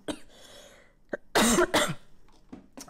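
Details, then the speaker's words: Adult woman at the Australian Open, who says she keeps coughing, gives two loud, harsh cough bursts with softer sounds around them. "Maaf ya jadi dengerin gua botok batuk Botok lagi gitu"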